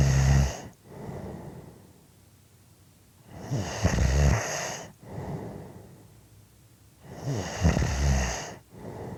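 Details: Rough, rattling snores on each breath in, with softer breaths out, about 16 breaths a minute; ordinary snoring.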